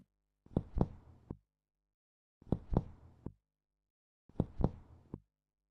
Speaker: Resonant sounds are often heard in air-filled areas, like the lung.